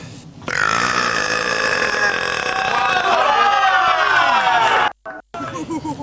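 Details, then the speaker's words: A single very loud, long, rasping belch lasting over four seconds with slowly falling pitch, from a man. "That was wow. OK, it's a pretty mammoth burp."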